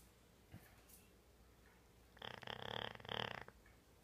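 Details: Pitbull dog in deep sleep after a long run: a single harsh, fluttering snore of just over a second after a quiet pause; snoring.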